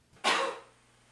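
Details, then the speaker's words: A single short, dry, acted cough in a quiet room, performed by a subject in a humorous educational demonstration of cough etiquette. "you will now see a series of coughs and sneezes performed by random subjects"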